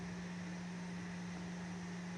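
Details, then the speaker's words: Adult with type 1 diabetes and long-standing sleep apnea, using a CPAP machine nightly for years: steady low mechanical hum with a constant tone and soft airflow hiss from the running machine. "I've had sleep apnea for years. You can hear my air voice. I can't turn it off yet. I've been using this for years."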